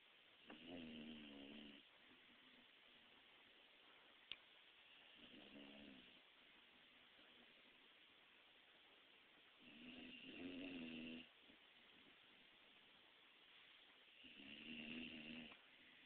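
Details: 3-month-old pitbull puppy napping: soft, rhythmic snoring with a faint whistle, about four snores over sixteen seconds, steady background hiss; snoring.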